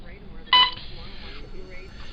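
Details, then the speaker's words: Single short electronic beep from a hospital bedside device over quiet room noise and faint talk, beside a patient with Crohn's disease and short bowel disease who has fevers near 102, severe headaches and TPN. "Meanwhile, we got my beeping friend over here."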